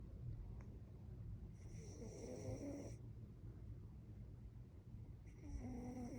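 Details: A person snoring: two soft, whistling snores with a faint rattle, about four seconds apart, over rumbling background noise; light snoring.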